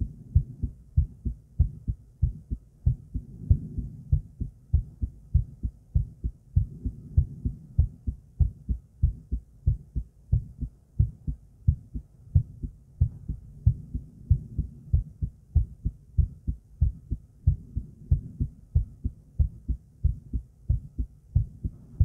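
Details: Close-recorded female adult heartbeat during breathplay, with low, steady thumps whose spacing varies somewhat: irregular heartbeat.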